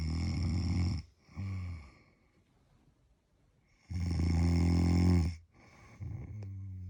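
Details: Loud, deep rattling snores on breathing in, separated by quiet pauses, from a man sleeping on holiday in London; snoring.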